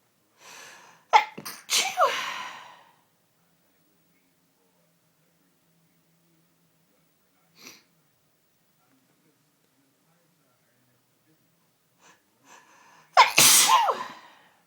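Two loud sneezes, each with a quick intake of breath before it, separated by a long pause; repeated sneezing.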